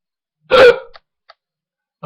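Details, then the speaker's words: One loud, abrupt voiced gulp followed by faint clicks: a single loud, involuntary hiccup from a person with persistent hiccups, before trying a mouthful of peanut butter as a remedy. "let me show off my hiccups one more time"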